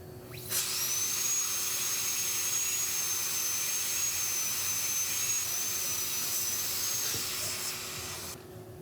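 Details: Crown preparation under a dental microscope on an endodontically treated upper left first molar with a mesial crack: steady high-pitched whine of a high-speed dental drill dropping the buccal margin, starting and stopping cleanly.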